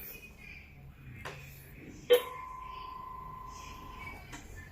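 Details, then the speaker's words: Cardiac monitor NIBP failure under repair: a click and steady tone with no pump build-up as the blood pressure measurement stops without completing, repeatedly. "ayan nag-stop siya hindi siya tumuloy so ulitin natin kahit isa pa Ayan so hindi siya tumutuloy"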